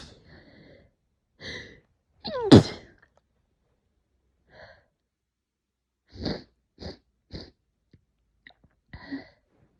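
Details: Person terribly allergic to cats, woke after a cat slept on their pillow with burning face, swollen eyes and running nose: forceful sneeze followed by several smaller sneezes and sniffs in a quiet room; repeated allergic sneezing.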